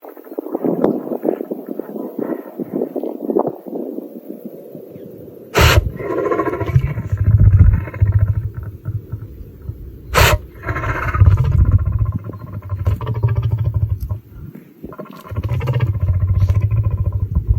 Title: Lion Sneezing